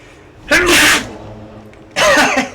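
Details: Adult gives a single abrupt, explosive sneeze, then a short pause and the start of a voiced sound; sneeze.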